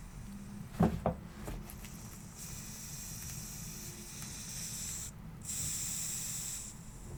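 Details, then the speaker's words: Blood pressure cuff deflation during a simulated doctor checkup roleplay: steady hissing air release after a few handling thumps as the cuff is released after the first number; reading reported as about 120 over 70. "okay please hold the thing still okay i've got the first number so i'm just gonna release"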